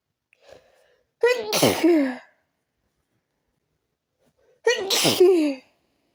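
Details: Habitual sneezing attack, not relieved by changing rooms: two forceful sneezes a few seconds apart, each with a brief in-breath before the burst; part of a repeated sneezing fit.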